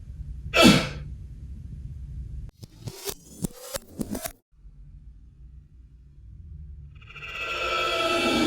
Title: Coughing Into Elbow -- Coronavirus PSA